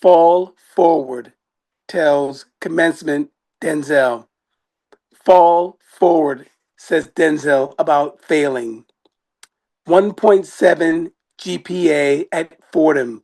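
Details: Adult with aphasia acquired after an ischemic stroke in May 2016; aphasia.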